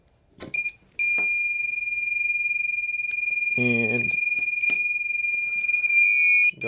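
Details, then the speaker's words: Steady high-pitched continuous alarm with brief voice and clicks: an LVAD controller alarming when one battery is disconnected and reattached during a controller change-out, demonstrated in EMS ALS training before the driveline is switched to the new controller. "so disconnect one of the batteries and attach it it's going to alarm"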